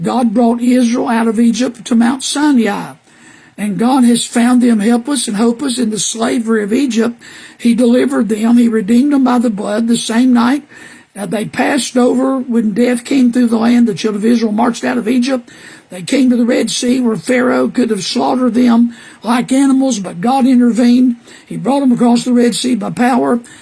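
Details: Adult man with HPV-caused recurrent respiratory papillomatosis after H1N1 in 2010; papillomas surgically removed, surgical vocal cord damage, web over the bottom third, years of false vocal fold phonation, later cancer treatment; constant cough: dysphonia from recurrent respiratory papillomatosis.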